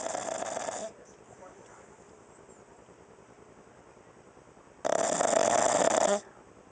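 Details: Unedited recording of a female dog snoring while sleeping on her back, loud enough to be heard across the house: two loud, hissing snores about four seconds apart, separated by quiet room noise.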